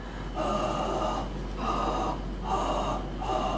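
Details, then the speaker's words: Coarse musical rhonchi (sibilant and sonorous) with noisy rumbling breath sounds on expiration, heard by stethoscope in a COPD patient; attributed to mucus narrowing the airways in a chronic bronchitis exacerbation. "سماعات بودنك ده كده ايه ده رونكاي. طبعا يا جماعه مفيش حاله برونكايت الصافي مفيش حاله امفيزيما صافي لذلك الصوت اللي بنسمعه ده بيبقى ايه ازمات البرونكايتس."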